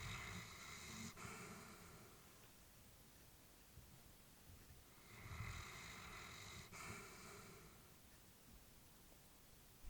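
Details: Elderly female Labrador sleeping, while her family was worried about her: slow, soft snoring breaths with a faint rasp on each breath; snoring during sleep.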